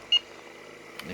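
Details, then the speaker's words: Single short, high electronic beep as the plus/minus flow button is pressed to adjust liters on a mini portable oxygen concentrator; patient currently on one liter; oxygen concentrator button beep. "you could actually hear it going you can go up as much as you want by just hitting the positive and then going down you go to the negative"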